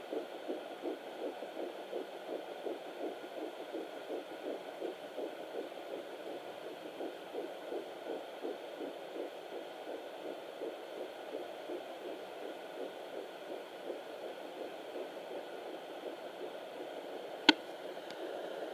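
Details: Fetal heartbeat at 7 weeks 6 days of pregnancy on a home handheld Doppler: fast, steady whooshing pulses that become clear at around 0:30, reaching about 160 beats a minute near the end.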